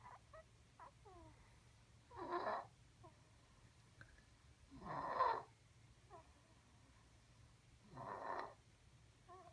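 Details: Snoring (Remi, possibly 12 months old).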